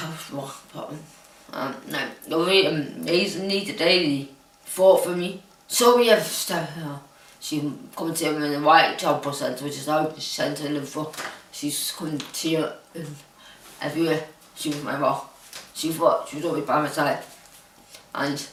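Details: Adult woman diagnosed with Huntington's disease; no speech disorder is named for her. Finding: speech in Huntington's disease (possible hyperkinetic dysarthria).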